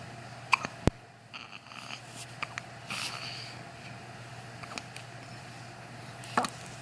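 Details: A baby, who has hiccups at least twice a day, gives several brief, sharp hiccups at irregular intervals over quiet room noise: infant hiccups.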